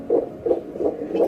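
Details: Fetal heartbeat on pregnancy ultrasound Doppler, during a scan with an active, kicking baby, sex not yet revealed: rapid whooshing pulses, about four in just over a second.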